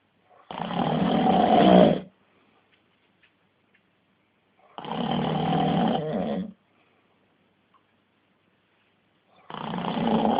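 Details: Man sleeping after a hard day, filmed by his girlfriend: loud, rough snores on each breath in, about 15 a minute, with near silence between them; heavy snoring.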